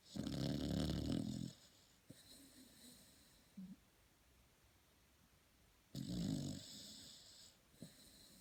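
Two loud, rough snoring breaths in, with soft snuffles and quiet breathing between, from a sleeping dog.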